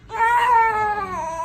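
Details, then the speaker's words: A 10-day-old newborn boy gives one clear, sustained cry that tapers off during a light-force chiropractic adjustment, fussing when a restricted spot on the right side is found. "sometimes they get a little fussy like when we find that spot like this"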